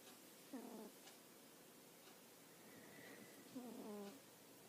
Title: Snoring cat- turn volume up high to listen